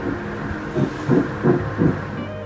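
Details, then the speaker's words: Fetal heartbeat heard on ultrasound at an early scan in a first pregnancy, during the first trimester: rapid, regular whooshing thumps over a steady hum, about 160 beats per minute. "And another pinnacle moment was hearing the heartbeat. I mean, just listen to that."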